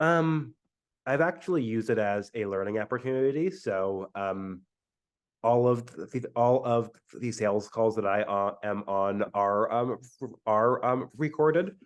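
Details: Adult man who stutters, first noticed around age eight, with fluency varying from day to day; stuttering.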